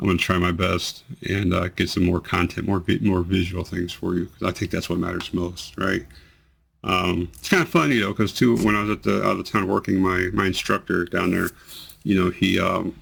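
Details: Man with multiple system atrophy whose tremors have become much more amplified, involve his voice, never stop, and worsen with activity and emotional stimulus; voice tremor.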